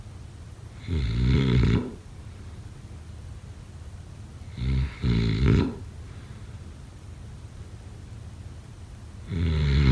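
Loud, rattling low snores on inhaled breaths, about three in ten seconds, with quiet pauses between them.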